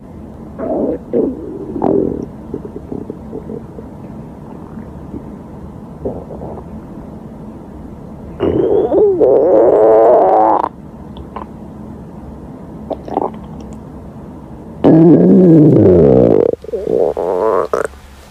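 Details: Hungry girl's stomach growling, from a compilation: long, squeaky, rising and falling gurgles with shorter rumbles between, loud hunger borborygmi.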